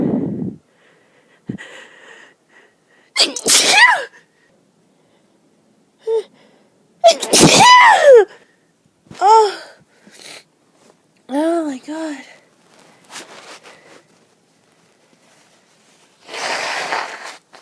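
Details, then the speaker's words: Sneezing fit after running out of antihistamines, with watering eyes, a running, tickling nose and a voice that is going. Gasping breaths in and strained vocal sounds after trying to hold it back, then an explosive sneeze. "And now it's gonna excuse me. I'm gonna sneeze again. I'm gonna sneeze."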